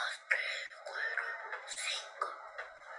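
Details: Dysphonia from laryngeal papillomatosis in a child counting aloud, showing a hoarse voice.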